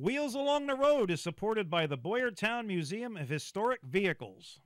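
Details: Adult speaker; normal voice.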